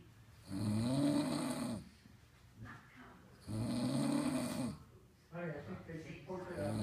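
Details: Two loud, rattling snores on breathing in, about three seconds apart, with quieter breathing between them; snoring.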